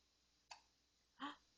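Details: Hiccups from a young child being read picture books, described as tired: two short, abrupt, voiced catches about 0.7 seconds apart in a quiet room.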